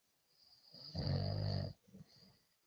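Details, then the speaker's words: Adult man asleep during a podcast: a noisy inhalation builds into one loud, low, fluttering rattle, then trails off with softer breathing; single snore. "I think by the sound of the snore, that means that's our show."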